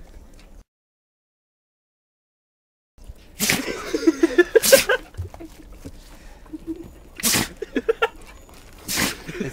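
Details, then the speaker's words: Chubby puppy sneezing repeatedly, closing one eye just before each sneeze; owner wonders if it is allergies. Several sharp, explosive sneezes with short pauses, and a person talking. "she closes one eye before she sneezes watch her eye it closes just before she sees it there there she goes goodness goodness you got allergies"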